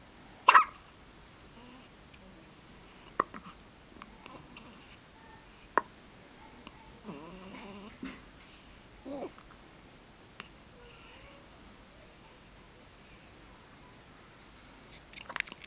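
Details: Baby hiccups: repeated sudden sharp hiccups at irregular intervals, about five in fifteen seconds, with faint room noise between them.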